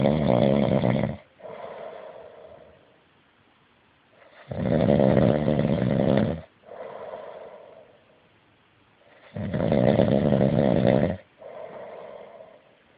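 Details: Heavy snoring: loud, rough snores on each breath in, with softer breaths out, about 13 breaths a minute.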